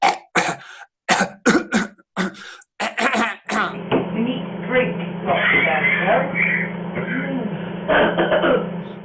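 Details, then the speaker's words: Imitated series of short throat-clearing coughs, demonstrating the coughing a caregiver may hear when a person with swallowing difficulty swallows a drink: cough on swallowing, possible aspiration. "but don't forget to swallow it and then what you may hear then is you may hear some coughing either someone doing this sort of"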